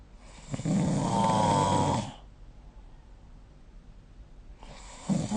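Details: Snoring during sleep recorded with the SnoreLab smartphone app.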